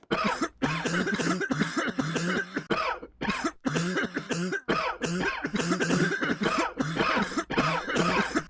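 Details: Repeated bursts of rapid, harsh coughing in clusters separated by brief pauses, over a steady background hum.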